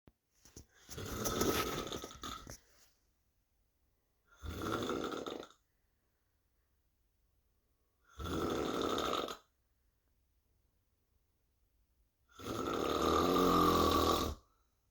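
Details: Four loud, rasping snores about every four seconds with near silence between: heavy snoring at roughly 15 breaths a minute.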